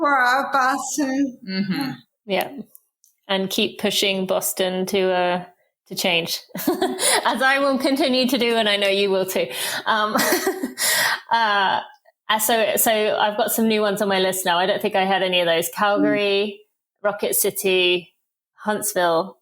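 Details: Dysarthria from ALS in a woman diagnosed with probable ALS in 2014 at age 33, about ten years before, after rapid early progression from half Ironman to walking with a cane within six months.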